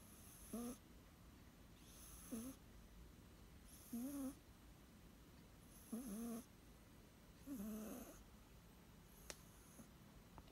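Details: Short, pitched, whistling breath noises from a cat, five in about ten seconds: snoring or wheezing.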